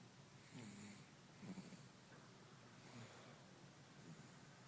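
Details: Soft, low snoring sounds recurring with the breaths of a sleeping 8-month-old infant against quiet room noise: snoring.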